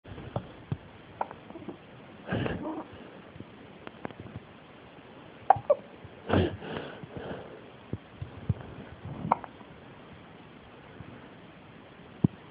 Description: this is my lil angle with hiccups...the cutest video in the world